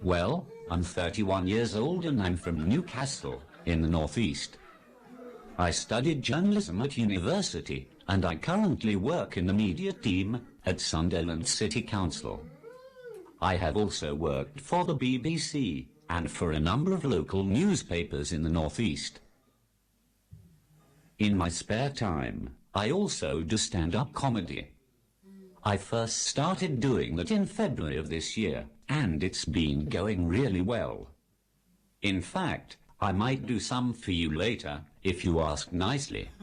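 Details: Speech-generating device used by an adult man; Synthetic speech from a text-to-speech communication aid.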